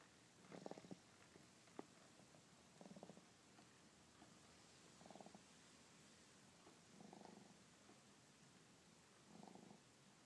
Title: Snoring Baby